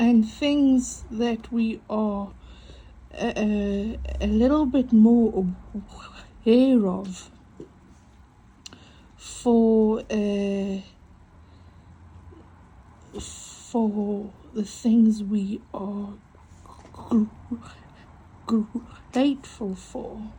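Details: Adult female with a stutter mostly on vowel-initial and W words, which she says can be heard, coping with breathing: stuttering.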